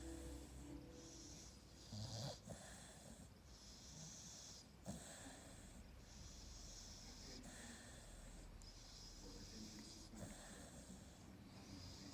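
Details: American Staffordshire Terrier (AmStaff) dog snoring: repeated soft, noisy snoring breaths with faint snorts, about every two seconds, roughly 25 breaths a minute, over steady hiss.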